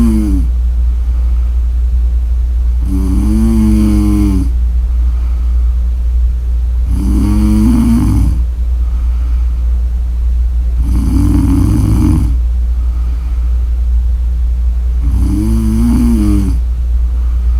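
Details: Heavy snoring: four loud, buzzing snores about four seconds apart, around 15 breaths a minute, over a steady low hum.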